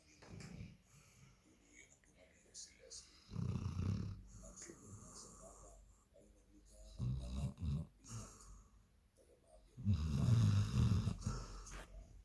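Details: A German Shepherd dog snoring: low, rumbling snorts about every three seconds, roughly 18 a minute, in a quiet room.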